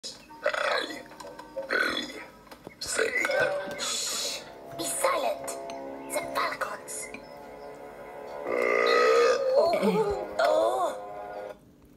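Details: Deliberate burping of the alphabet: a series of long, voiced belches shaped like spoken letters, with faint background music.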